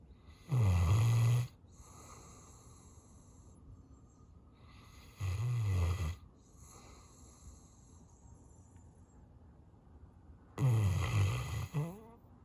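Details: Sleeping dog: three deep, rumbling snores about five seconds apart, roughly 12 a minute, with quiet breathing between; snoring.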